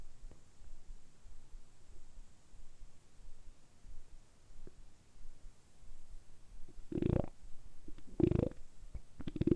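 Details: Stomach rumbling (borborygmi): a quiet hiss, then low gurgling belly rumbles, deliberately produced for an ASMR recording; ordinary bowel sounds.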